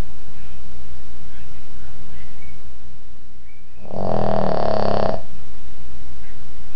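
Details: One loud, rough, rumbling snore lasting about a second over a steady low room hum; snoring.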